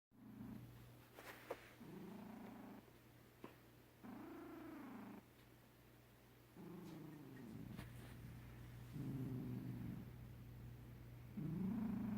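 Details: A sleeping cat purrs steadily while rhythmic, tonal snoring sounds rise and fall with each breath, so purring and snoring are heard together.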